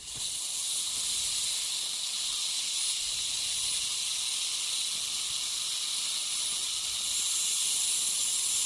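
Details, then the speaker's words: Ultrasonic piezosurgery unit with a round diamond tip cutting bone to open a dental sinus window (about 1 cm by 0.5 cm lateral osteotomy) for sinus lift: steady high hiss with water spray, running smoothly. "I'm going to continue uh with the same hand uh with the same tip it's a diamond uh kind of round almost looks like a large round bar Diamond"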